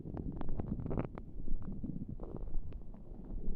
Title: Not pressing on my tummy for making noises for you 🫶